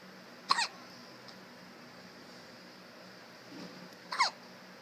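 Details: A baby girl hiccups: two brief, sharp hiccups about four seconds apart over steady room hum.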